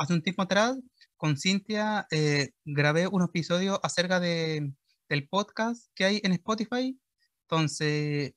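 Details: Real stuttering in a 21-year-old Chilean man who completed a one-year course of speech therapy for it.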